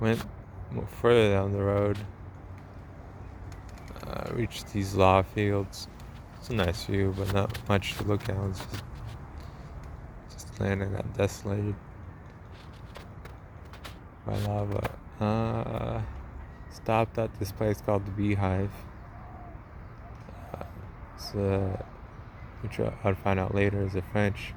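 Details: Man with a self-described speech impediment of unnamed type; speech impediment.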